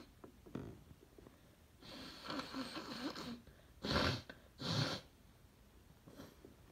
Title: Trying to stifle strong sneezes + final nose blow